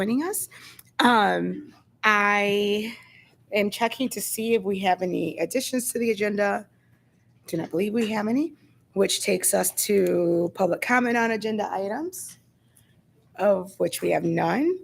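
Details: Adult woman speaking; Normal speech.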